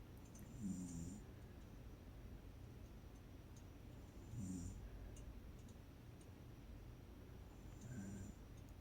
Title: My Mom Snores like a Goof